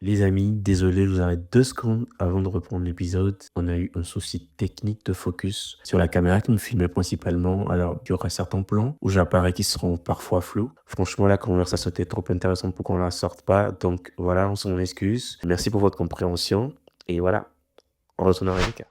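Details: Adult male speaker; normal fluent speech.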